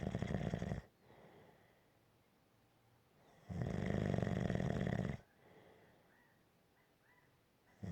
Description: This is a 6 minute clip of a snoring sound clip.